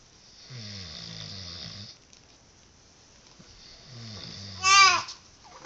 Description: I love to snore!